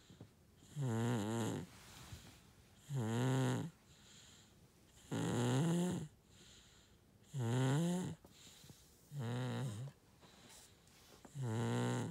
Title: Enzo Snoring